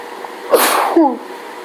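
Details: Person in a full allergy fit from hay fever, sneezing repeatedly: one sharp sneeze with a high-pitched voiced tail over steady background hum; sneezing.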